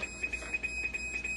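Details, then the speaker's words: Hemodialysis machine blood leak alarm, a minor blood leak needing possible calibration, with a missing screw found: repeated high-pitched electronic beeps in a small room. "Maglilinis ako dito okay yan ang problema nito is blood leck yan blood leck ang problema"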